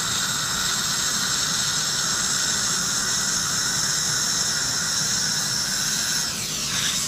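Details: Piezo-ultrasonic scaler used with high-volume evacuation suction held close to the tip during cross-arch dental cleaning, for COVID-19 aerosol control: a steady high-pitched whine over a constant rushing hiss.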